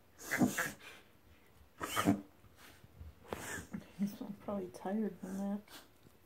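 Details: Whippet dog makes a few harsh, snorting noisy breaths. A veterinarian confirmed this as a reverse sneeze, not harmful.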